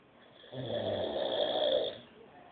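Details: Adult man asleep on a couch: a single drawn-out, rattling snore lasting about a second and a half, rising then fading; typical snoring in sleep.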